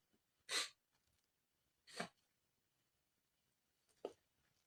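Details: A big sneeze followed by quick sniffs: three sharp, explosive nasal bursts over about four seconds.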